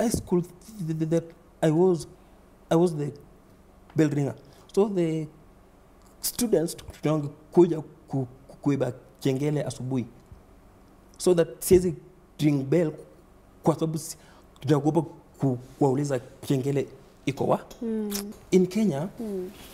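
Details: Man under 30 who stammers, reporting repetition, blocks, prolongation and added syllables; stuttering.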